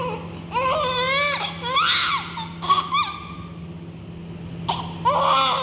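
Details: Newborn crying: thin rising and falling cries in short bursts with pauses, over a steady low room hum.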